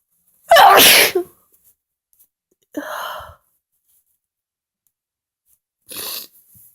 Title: Loud Powerful Sneezes!